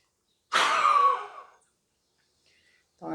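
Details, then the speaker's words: Physiotherapist performing a maximal forced exhalation into a peak flow meter, used to assess cough strength, reaching about 450, slightly below normal for his age: one sharp, forceful blast of breath lasting about a second. "esse daqui é o pique é o pico de fluxo respiratório então a avaliação quando a gente faz da seguinte forma"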